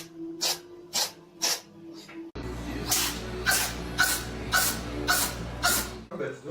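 A cat sneezes in a rapid run of short, sharp bursts about half a second apart.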